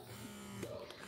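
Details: Real Bubee double electric breast pump in expression mode after a stimulation phase: steady electric motor buzz with a faint rising whir; electric breast pump running.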